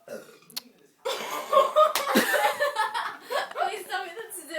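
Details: A long, rumbling belch from a girl that runs into laughter and snorting; ordinary burping.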